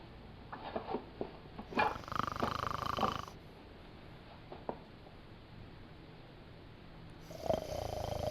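Two rattling, throaty snores over a steady background hiss, starting a third at the end. Snoring.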